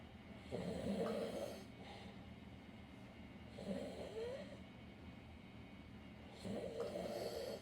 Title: The snoring stomach